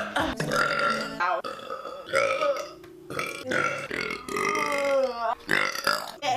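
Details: Compilation of long, loud, voiced rumbling belches running almost continuously: repeated prolonged burping.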